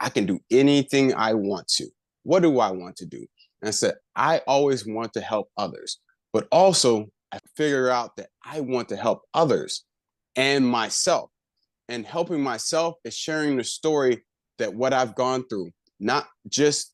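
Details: Adult man with aphasia after a left-hemisphere stroke about a year earlier, still working on over-articulation and word retrieval: aphasia.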